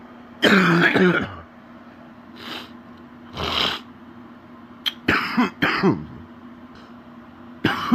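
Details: Adult man with an extremely stuffy nose gives several deep, rattling coughs and throat-clearing bursts separated by noisy breaths; wet productive cough.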